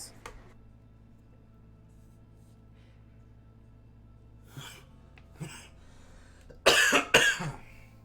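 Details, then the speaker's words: Adult coughing while allergies flare from nearby wildfire smoke, with breathing difficulty and an inhaler kept nearby: two faint throat clears, then two loud, harsh coughs in quick succession over low room hum. "my allergies are going nuts and it's hard to breathe so if i'm coughing a lot that's why"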